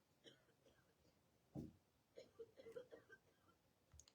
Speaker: That's if you guess coughing, you would be guessing correctly. The sound of somebody coughing.